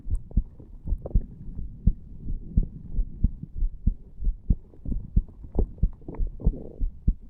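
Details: Heartbeat of a 34-year-old male non-smoker lying on a bed, recorded over the tricuspid area after nicotine from a cigar and "green stuff", to test whether heart rate and loudness increase.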